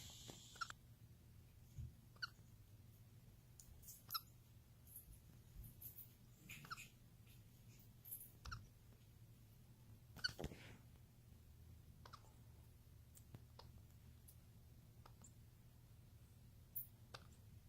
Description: Daisy the adorable baby capuchin monkey has the hiccups.